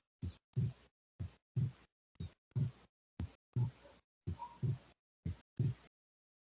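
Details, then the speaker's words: Heart auscultation recording in a veterinary physiology lesson, described as human: regular heartbeat near 60 a minute, with the second heart sound split into two close taps on inspiration; split second heart sound. "com a inspiração ocorre o desdobramento da segunda bulha e com a inspiração as bolhas ficam normais"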